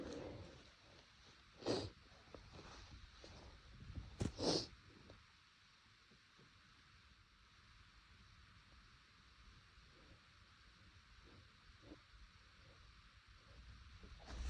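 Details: Two or three brief, muffled sneeze bursts held back to stay quiet, over faint room hiss; nose itchy, which the person suspects is from temperature changes; stifled sneezes.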